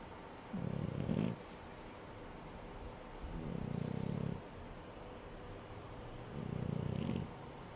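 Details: French bulldog puppy napping: three slow, rumbling snoring breaths of about a second each with quiet gaps between.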